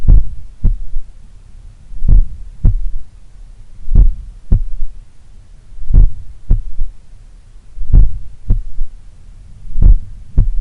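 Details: Heart recorded at the apex in the morning, lying on the left side; slow strong beats with faint low third thud after S2, an S3 gallop attributed to blood recoil or a slightly larger, supple left ventricle. Finding: S3.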